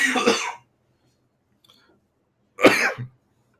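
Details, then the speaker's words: Adult with a bad cough: two separate harsh cough bursts with a quiet pause between them. "I'm sorry for my voice coughing very badly"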